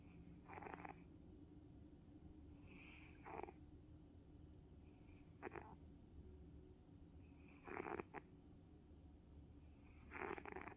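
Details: Sleeping female tabby cat lying on her owner, snoring: soft, irregular breathy snores, about 5 in 10 seconds, each with a faint whistling hiss.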